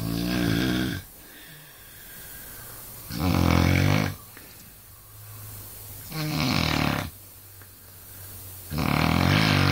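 Loud, low, rattling snores, each lasting about a second, about four in ten seconds, with quiet breathing between them. Ordinary heavy snoring.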